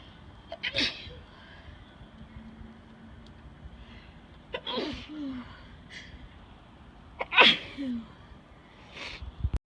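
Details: Person sneezing repeatedly after a gym workout, unable to stop, sitting outside at night: three sharp sneezes, each preceded by a quick intake of breath, then a short exhale, over quiet noise.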